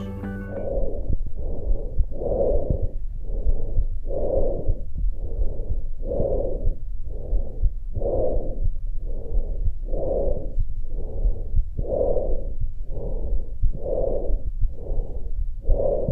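Harsh, hollow, evenly loud breath sounds in both inhalation and exhalation, with a short pause between: normal tracheal breath sounds.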